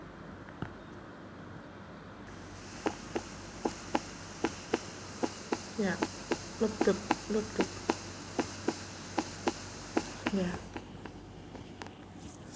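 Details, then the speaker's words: Regular lub-dub beats at about 76 a minute with a steady background hiss and no added sounds, played in a nursing cardiovascular physical examination demonstration: normal first and second heart sounds (S1 and S2). "kemudian ini adalah bunyi jantung yang normal"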